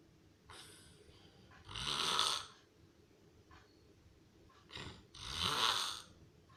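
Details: Heavy snoring, possibly in a hospital (per hashtag): two loud, rasping breaths drawn in during sleep, each with a rattling flutter, separated by quieter breathing out.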